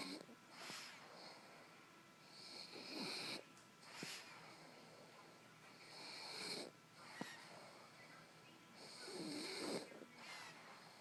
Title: Snoring dog